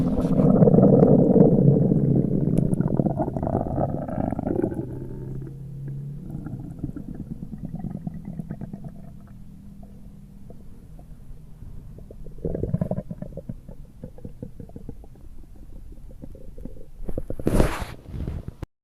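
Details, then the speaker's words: Abdominal auscultation in gastroenteritis with diarrhea: loud, frequent gurgling and rumbling bowel sounds, hyperactive bowel sounds. "los ruidos intestinales o ruidos hidro aéreos en presencia de una gastroenteritis o diarrea se ausculta de la siguiente forma"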